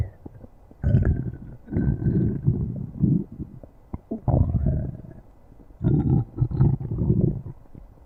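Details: Stomach growling (borborygmi).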